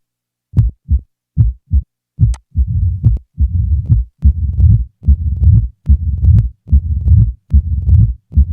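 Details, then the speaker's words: Simulated mitral stenosis heart sounds at about 72/min: loud first sound, low rumbling mid-diastolic murmur introduced after the first few cycles, then presystolic accentuation building before each beat, then an added opening snap. "the following example will present each feature of mitral stenosis a loud first sound is followed by a mid-diastolic murmur the murmur will be introduced after the first few Cycles now a pre-systolic accentuation is added followed by an addition of an opening snap"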